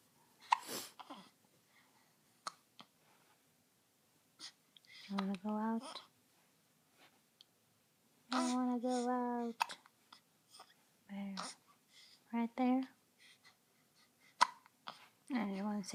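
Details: Sharp, brief catches of breath at irregular gaps from a baby girl early in the morning, mixed with baby sounds and an adult talking: hiccups.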